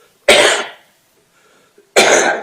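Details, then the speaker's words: Judge in a courtroom who came down with a pretty bad cough over the past day gives two loud, harsh single coughs about 1.5 seconds apart. "I came down with a pretty bad cough between yesterday and today. It's making this a little challenging."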